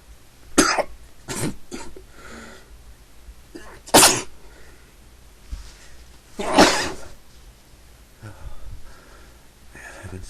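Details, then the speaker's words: Four sharp, explosive sneezes with quieter breathing between, in a small room, from a person who says they have been sneezing all day and can't stop; repeated sneezing. "Oh shit. I can't stop. Here comes another one."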